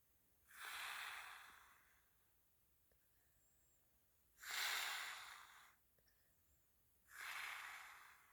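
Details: Sleeping person, ASMR-style recording: slow, airy, hissing breaths at about 16 a minute with quiet pauses between them; breathy snoring.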